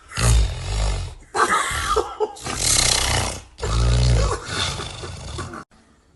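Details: Bizarre, unusually harsh snoring: loud, deep, rumbling snores with growling, roar-like breaths and sputtering; snoring.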